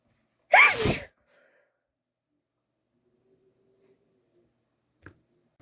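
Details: Female with allergies acting up, deliberately induced sneeze: one forceful, explosive sneeze, then near silence; allergy sneezing.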